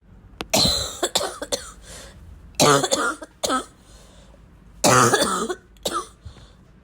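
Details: Three bouts of repeated coughing with throat clearing and snorts, somewhat rough and wet, chesty-sounding, acted; wet cough.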